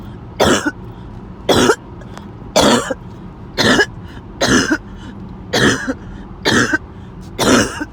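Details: Sudden harsh coughing and choking episode that came out of nowhere: eight harsh, forceful coughs in a steady run, about one a second.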